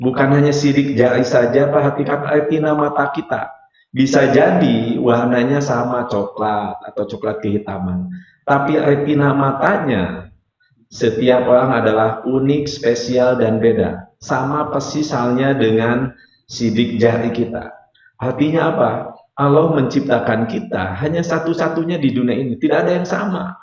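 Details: Rhotacism present since childhood in an adult man, a hypnotherapist and lecturer, speaking Indonesian.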